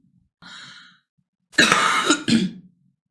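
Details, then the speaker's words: Adult woman with hoarse voice during a live stream: soft breathy inhalation followed by two loud, rough cough bursts. "Ai, amoras, hoje, hoje você tem que ter assim, ó, uma paciência de aguentar essa minha voz rouca, de aguentar a minha tosse."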